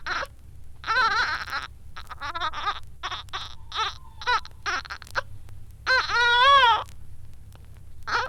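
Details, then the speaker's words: Premature infant with suspected hyaline membrane disease: rapid, short voiced grunts on each breath out, the typical expiratory grunting respiration of respiratory distress. "And here is the typical grunting respiration."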